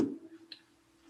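After a brief silence, a short voiced syllable comes through loud and distinct, as if spoken at the ear: pectoriloquy.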